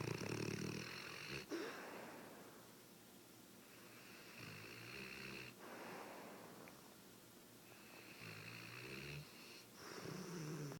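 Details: Steady snoring during sleep: slow, regular rumbling snores with whistly breaths, about four cycles over eleven seconds.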